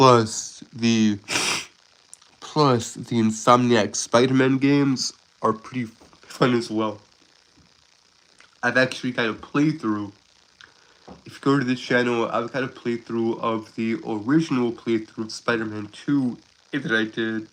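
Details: Stuttering in an adult Southern man who calls himself a stuttering man with a speech impediment and is currently sick; word and phrase repetitions are audible.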